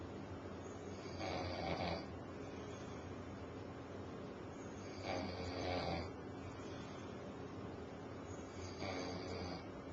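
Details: Adult man snoring while asleep on a couch at 6:30 pm, very tired after a 90-hour work week: three rough, rattling snores on in-breaths, roughly 18 a minute, with quiet breathing between.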